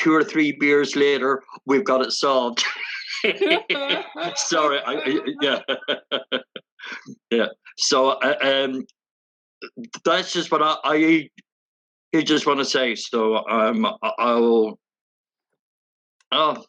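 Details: Adult woman who stutters, with sound and part-word repetitions: stuttering.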